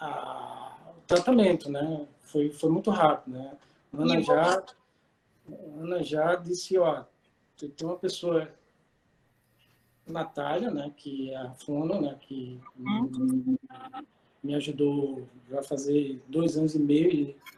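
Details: 40-year-old man with aphasia for two and a half years after a stroke; he was totally mute at first and still has difficulty finding some words, writing, reading and numbers.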